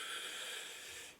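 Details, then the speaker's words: Second puff of a metered-dose rescue inhaler for asthma, fired into a spacer after a simulated two-minute wait: a hissing puff blending into a steady deep inhalation that fades, followed by a breath hold. "so pretend it's two minutes it's time to do it again puff squirt"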